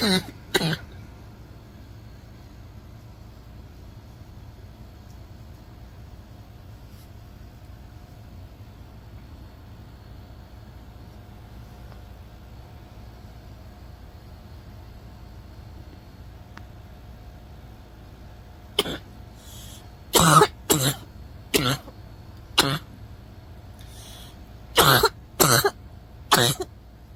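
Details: Smoker's harsh, barking coughs from an adult: a pair at the start, then a long quiet gap and a cluster; barking cough.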